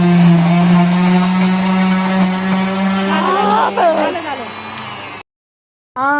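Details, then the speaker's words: Loud steady buzzing whine, wavering as it bites, then stopping abruptly: a cast saw finishing cutting a modern plaster cast off a female patient, who reports much pain. "अशा पद्धतीने एकदाच ते plaster cutting झालं खूप त्रास झाला हो खूप दुखत होतं"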